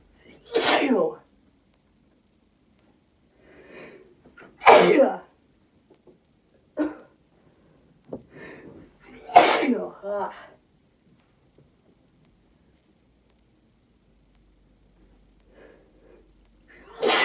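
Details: Woman's sneezing fit induced by snuff (chhinkni), which burns her nose; she mentions possible allergies. About four loud, forceful sneezes with softer breaths and sniffs between.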